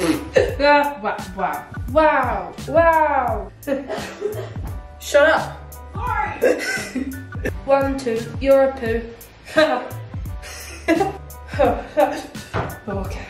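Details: Tourette syndrome vocal tics in a woman with self-reported Tourette's, with repeated tic words and exclamations while cooking.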